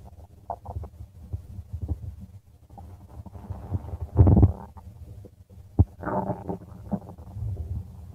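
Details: Stomach of a person: low gurgling and rumbling with bubbly surges and a louder growl midway, ordinary stomach growling (borborygmi).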